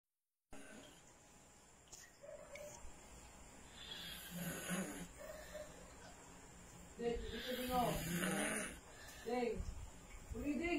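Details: Man snoring with his mouth open after drinking: irregular, rough, rattling breaths with quiet gaps during sleep.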